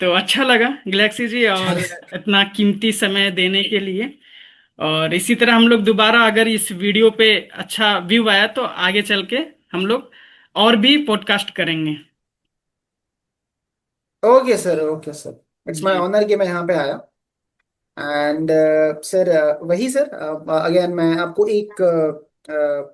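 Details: Adult man with severe stammering since childhood, now largely managed but still stammering at times; stuttering.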